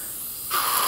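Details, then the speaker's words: Simulated oral airway suctioning with a rigid catheter in a nursing skills training demonstration, sweeping across the tongue into the cheek pouch: quiet hiss becomes a loud steady rushing hiss as suction applies. "making sure I can see where the tip of the catheter is at all times. Avoid going over the midline, as you'll make the patient gag, and again keeping a suction sweep down to about 10 seconds."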